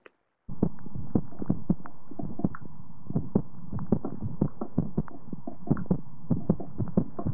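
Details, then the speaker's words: Normal dog heart sounds on stethoscope recording: clear lub-dub without whooshing or murmur, rhythm gently speeding and slowing, normal sinus arrhythmia; slight background clicking from recording interference. "and you'll noticed or some of you may have noticed that that heart rate or Rhythm wasn't totally regular and that's something called a sinus arhythmia um and it's a normal finding for dogs"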